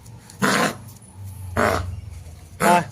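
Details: Dog coughing and vomiting, suspected throat infection in cold weather: three short, harsh, hacking, throaty coughs that can come with retching.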